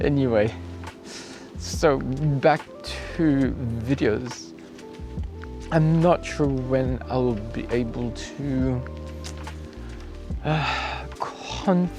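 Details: Apraxia of speech, acquired, in an adult male cyclist about two weeks after a 14 December crash where he hit his head and blacked out; he says his thinking remains sharp.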